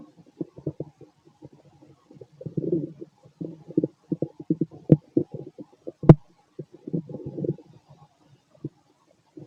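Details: Fit adult male, stomach and bowel sounds after a bowel movement: frequent irregular gurgles and low bubbling rumbles, about fifty bursts a minute; normal active borborygmi.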